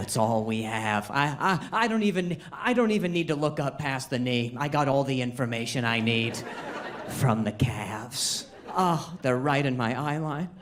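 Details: Adult male comedian on stage; ordinary speech.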